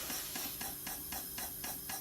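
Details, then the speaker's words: Intrapulmonary percussive ventilation in line with a ventilator, switched back to the easy setting: rapid, light rhythmic hissing pulses, about four per second, faster and lighter in pressure than the hard setting. "and then we can go in between the two we can go back to our easy setting it's a little faster"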